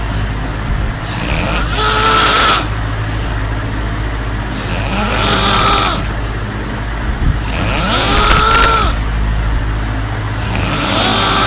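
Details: Girl snoring in her sleep on a hot night: loud, rattling snores with a whistling edge, about 15–20 a minute, over loud fan noise.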